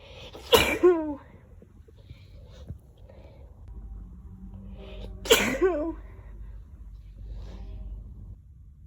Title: Strong sneezes